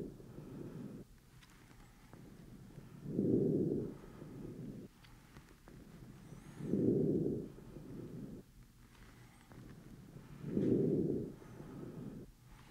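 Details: Lung bases auscultated from the back with an Eko electronic stethoscope during an OSCE-style exam, patient taking big mouth breaths: slow deep breaths at about 16 a minute with scattered brief clicks of simulated crackles.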